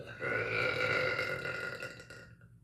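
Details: Loud, echoey burp: one long, loud, rumbling burp that fades out at the end.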